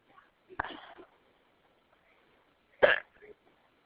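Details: Hiccups in an adult after an evening out drinking a couple glasses of wine: two sharp, abrupt voiced catches about two seconds apart, each with a brief throaty release, in a quiet room.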